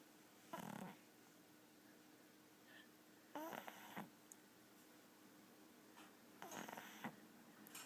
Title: Snoring pug